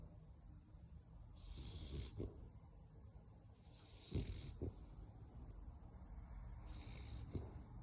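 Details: Female American Bully dog snoring in sleep: soft, snuffling snores in regular breath cycles, about three in eight seconds, with occasional short snorts.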